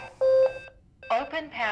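Steady electronic alert tone, a pause, then the start of a recorded voice prompt: an AED signalling during use.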